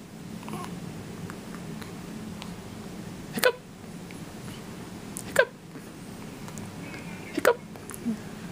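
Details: Hiccups: three or four brief, sharp hiccup sounds at irregular intervals over a steady room hum.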